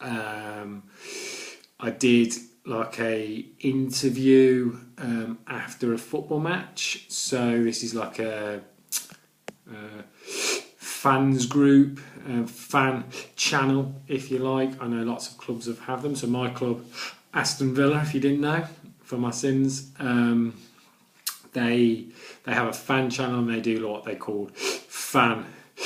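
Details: Adult man with a stammer, with blocks and repetitions in his speech: stammering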